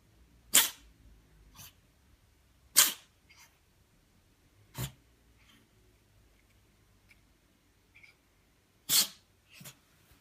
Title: The Sneezing Cat